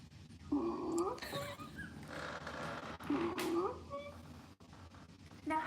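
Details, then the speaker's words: Teaching audio of stridor: two harsh, high-pitched musical breath sounds from a narrowed upper airway; stridor may occur on inspiration or expiration. "how do you know that you're hearing Strider well you want to pay attention to a few things first thing is timing Strife can be heard on inspect so that your hearing Strider well you want to pay attention to a few things first thing is timing stridal can be heard on inspiration or expiration and it's going to have a hig"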